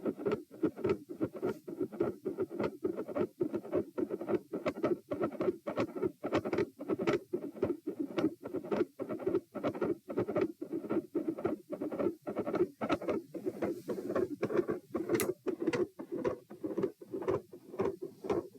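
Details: Heart sounds at position p during a crouching manoeuvre: fast, regular rhythm with rate increase, previously very quiet S1 now split with an audible midsystolic click, and a widened S2 split.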